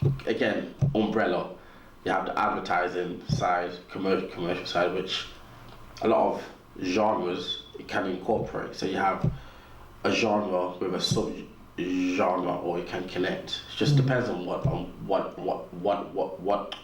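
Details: Stuttering in an adult man, described as a natural, audible stutter; real, not acted.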